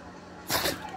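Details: Shih Tzu dog with a sudden run of repeated sneezing lasting over 30 minutes, never seen before: a single sharp, hissing burst of air.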